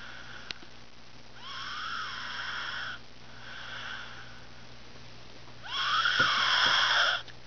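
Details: Male sleeper with loud, musical snoring: long, high-pitched whistling sounds on each breath in, about three breaths over seven seconds.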